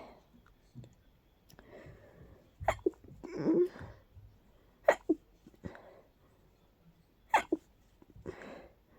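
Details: Powerful, stuffy, stifled sneezing fit with quick double bursts after short inhales, in a person whose allergies are flaring in full bloom after being congested all day.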